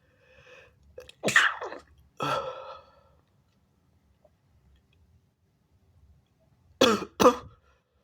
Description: big and wet sneezes, stifles, false starts and noseblows. also a little cough. bless me!